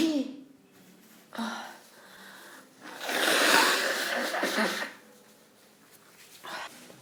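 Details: Sneezing bout on the third day of a cold, feeling terrible: indrawn breaths building to a forceful, hissing sneeze burst with a softer follow-up.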